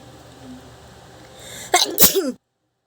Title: Loud Sneezes Philippines.